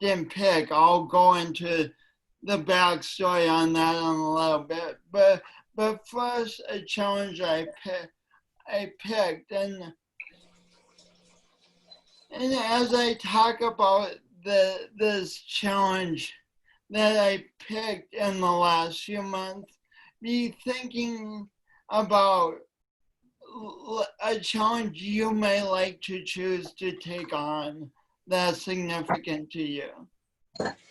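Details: Woman with a long-standing speech impediment affecting her voice and coordination, which she denied for years; speech impediment.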